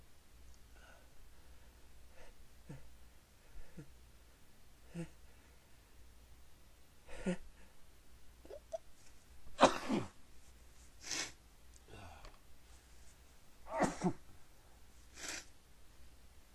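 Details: Faint muffled bursts, some louder, at irregular intervals over quiet room hum; the person tries to stifle repeated sneezes but several are only partly held back: stifled sneezes.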